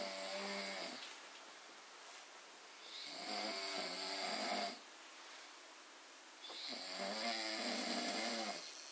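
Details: Baby snoring at 2:10: two long, rough, buzzing breaths about three seconds apart, separated by quiet pauses.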